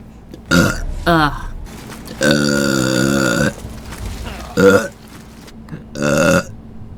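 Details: Compilation of a person burping: a series of loud voiced belches, one long and drawn out, separated by brief pauses.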